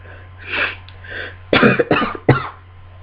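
Two sharp in-breaths, then three explosive sneezes in quick succession; a sneezing fit during a cold.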